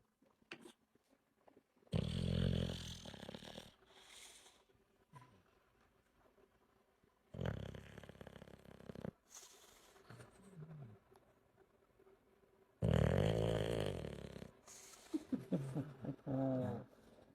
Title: Brutus the Bulldog snoring.